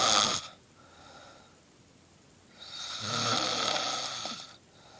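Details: Man snoring during sleep: two loud, harsh breathing noises about three seconds apart, with a rattling low buzz in the second; ordinary snoring.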